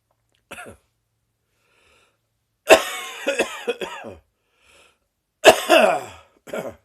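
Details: An adult with a persistent morning cough lasting six weeks gives a short cough, then two bouts of repeated coughing, with quiet breaths between.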